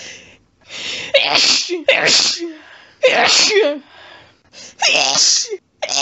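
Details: Woman in bed with a sneezing fit set off by a pet-sat cat lying under her chin, after being sneezy all day; rapid run of about four loud, wet sneezes, each with a sharp inward gasp, recorded on a cell phone.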